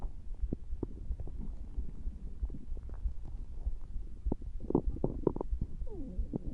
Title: stomach growling